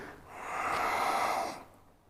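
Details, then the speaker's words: Breathing exercise for bronchial asthma during a chest-opening movement with inhale and exhale synchronized: a single slow, deep breath with audible airflow, rising and fading over about two seconds. "не поспішайте Ви маєте встигнути розкрити грудну клітку видих об'єднати рух і дихання вдих і видих"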